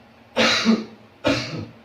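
Two strong, deliberate coughs in a row, acted as a demonstration of the effective cough technique for clearing sputum.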